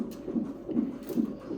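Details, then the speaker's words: Rapid soft whooshing fetal heartbeat, about 140 a minute, on an NST fetal monitor in hospital. "So ಇಲ್ಲಿ NST ಇಟ್ಟಿದ್ದಾರೆ, heart beat ಎಲ್ಲ test ಮಾಡೋದಕ್ಕೆ. ಇದೇನು ಅಮ್ಮು ಅಯ್ಯೋ ಅದು ಸೌಂಡ್ ಬರ್ತಾ ಇದೆಯಲ್ಲ, ಅದು ಹಾರ್ಟ್ ಬೀಟ್ ಪಾಪುದು."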